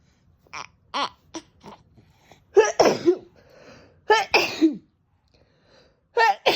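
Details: A mother's nonstop sneezing, with short voiced bursts and then several louder full sneezes in quick succession; her 3-month-old baby's laughter may mix in; sneezing.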